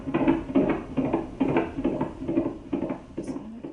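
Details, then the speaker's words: Fetal heartbeat on Doppler, rapid regular whooshing thumps about 140 beats a minute, in a mother with pregnancy-induced hypertension (high blood pressure arising after 20 weeks). "That's the sound of an unborn baby's heartbeat. the fetus of a mother with a condition called pregnancy induced hypertension."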